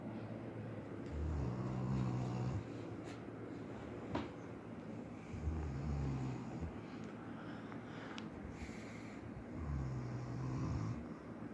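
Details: Relaxed dog asleep and possibly dreaming: soft, low rumbling snores at irregular intervals over a steady hum, ordinary sleep snoring.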